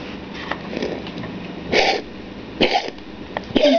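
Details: Cat coughing repeatedly, three harsh hacking cough bursts; owner counts about the fifth episode, cat receiving injections from a veterinarian, tongue reported not turning blue.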